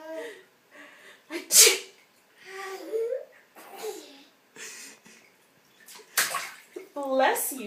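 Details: Child deliberately faking sneezes in the bathtub: several sharp, breathy sneeze-like bursts with the child's voice and splashing water.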